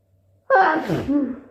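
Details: Induced wet sneeze: quiet pause, then one sudden explosive wet sneeze trailing into a voiced exhale; induced super wet sneeze.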